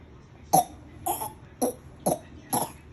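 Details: Five short, high-pitched, voiced cough-like bursts from an infant, evenly spaced about half a second apart, produced deliberately to get a reaction: voluntary fake cough.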